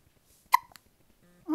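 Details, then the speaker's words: Swaddled newborn baby having hiccups, the first heard since birth; a single sharp, abrupt hiccup in a quiet room, followed by a faint voice; a hiccup. "you got the hiccups yeah oh I know you don't like that you're swaddled"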